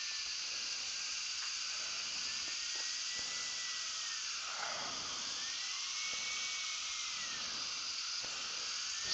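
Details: Steady high-pitched dental drill whine, pitch rising and falling, as it cuts under a dental microscope into a broken, cold-welded abutment screw in an external hex implant; type 4 (most difficult) rescue case after a prior failed attempt.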